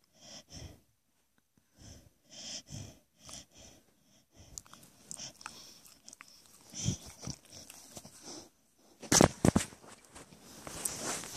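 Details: Dog snoring while sleeping with his mouth open: repeated snorting, rattling breath noises, irregular and getting louder toward the end.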